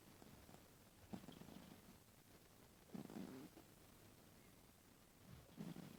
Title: cat snoring with open mouth